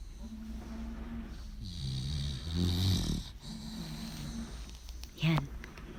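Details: Loud snoring from a sleeping American Pitbull Terrier: low, rumbling snoring breaths with snorting and whistling noises.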